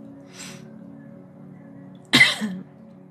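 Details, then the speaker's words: Adult woman coughing during a livestream while she has had COVID for the past week: a soft breath, then one sharp cough with a brief voiced tail over faint background music. "If the sound of me coughing is going to annoy you, I highly suggest turning your volume off because I can feel it tonight."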